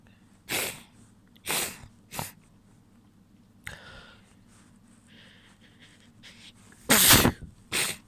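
A run of wet, explosive sneezes, about six, some held back and muffled, with sniffling between them; ordinary sneezing.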